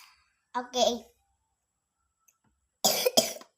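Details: Child with cough and cold reciting memorised Quran verses (Surah Al-Haqqah) gives two quick, sharp, dry coughs after speaking.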